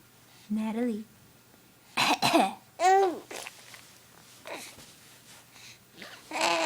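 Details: A young child deliberately coughing for fun: a few short, playful voluntary coughs mixed with babbling and laugh-like voice sounds.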